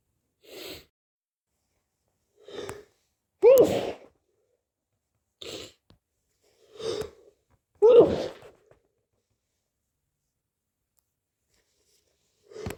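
Seven sneezes in about thirteen seconds, some soft and some forceful, with quiet gaps between them. This is repeated sneezing from a cold.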